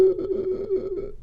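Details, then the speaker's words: Doctor's imitation of laryngospasm: a strained, pitched inspiratory noise as tightly closed vocal cords let little air through, with more air movement after about 20 seconds and normal breathing after one to two minutes; inspiratory stridor. "sound like that and everyone gets excited around them 20 seconds or so and you begin to hear a little more air movement kind of a and then another 20 seconds or so and it might be kind of a and then finally after one to two minutes they're back to normal"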